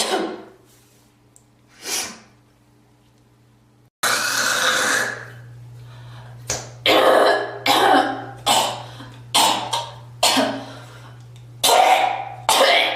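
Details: Girl coughing and spitting: a run of about eight harsh coughs with throat clearing and spitting sounds over a steady low room hum.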